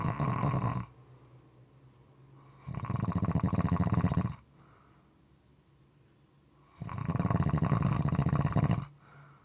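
Loud, rough, rattling snores on breathing in, about two in ten seconds, with quiet pauses between; moist, somewhat irregular snoring.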